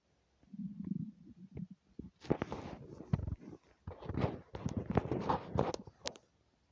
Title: stomach rumbling